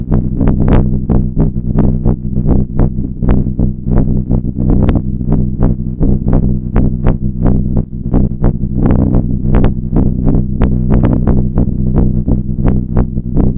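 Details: Alpaca born 2 April 2018, heartbeat heard through a stethoscope during a health check: repeated muffled thumps partly buried in steady rumbling noise and scratchy clicks (slight noise).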